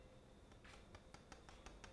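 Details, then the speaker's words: Several soft sharp mallet taps gently hammering a downward rasp to freshen glenoid bone in arthroscopic Bankart repair of a 30-year-old male's left shoulder with recurrent dislocation (10–15 episodes, positive apprehension test). "So now we just gently hammer. Tuck, tuck, tuck, tuck, tuck. Gently hammer."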